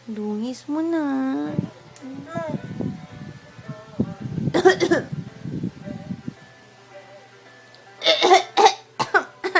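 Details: Toddler playfully imitating his mother's coughing during playtime before an afternoon nap, with child vocalizing and then short bursts of deliberate coughs: an imitated cough, not an illness cough.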